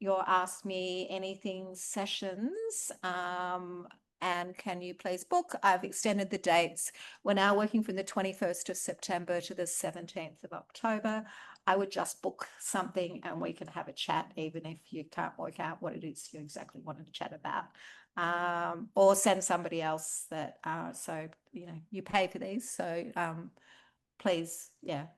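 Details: Adult woman speaking; normal voice.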